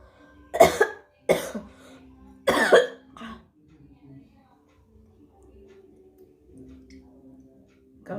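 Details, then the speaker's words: Adult with heavy productive cough, unwell and chilled, coughing up a lot of phlegm into bowls at home: three heavy, wet coughs then a softer one, then quiet room noise. "पूरा कफ सी भरा हुआ है यहां और भी हम निकलने का कोशिश कर रहे पूरा काफी यहां देख सकते देख रहे हो कितना कफ निकल रहा है"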